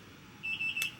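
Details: IV infusion pump alarm after a third C-section at 37 weeks, IV in the arm beeping when the arm bends though fluids keep flowing: high, steady electronic beeping over faint room noise.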